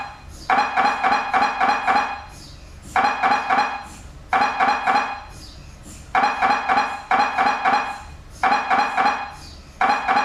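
Loud, repeating bursts of rapid metallic knocking, separated by short pauses, typical of an MRI scanner running.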